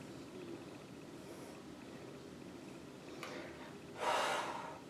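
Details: Sharp, noisy breath drawn in after quiet room noise, gasping for air at the end of a quick coughing fit in a bathroom that left the eyes watering.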